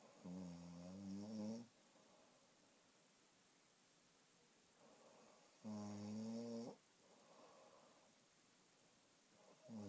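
Repeated low, buzzing snores on each in-breath, about every four to five seconds, with softer out-breaths between them.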